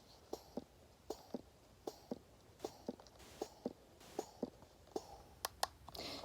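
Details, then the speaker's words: Elvie wearable electric breast pump running, used by a mother of three: soft, quiet rhythmic clicks and whirs in pairs, about 78 per minute, in a quiet room. "Now, anyways, that's what it sounds like. It's pretty quiet."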